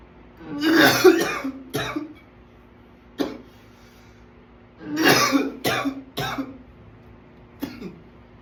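Repeated harsh cough bursts in two clusters, with shorter coughs and throat clearing between them: an ongoing coughing fit.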